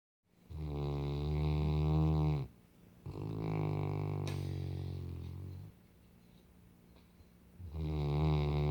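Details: Saint Bernard dog snoring: long, deep, buzzing snores of two to three seconds each, loud, resonant and vibrating; dog snoring.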